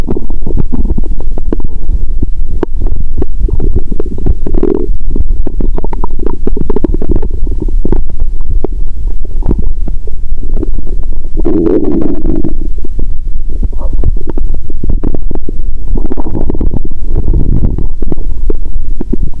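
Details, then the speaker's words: Stethoscope on own stomach after eating Mentos and drinking cola following a fast of over 15 hours: continuous low rumbling with repeated bubbling gurgles and pops, bowel sounds with gas gurgling. ""With a stethoscope, I can only really hear the sound of my stomach 😳". "So I can't hear the swallowing or chewing sounds 😳"."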